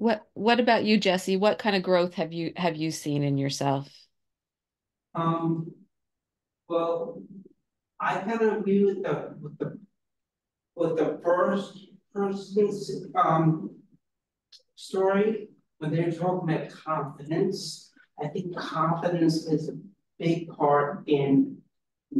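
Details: Real adult woman with aphasia who is a member of an aphasia institute; word-finding pauses and a truncated word; aphasia.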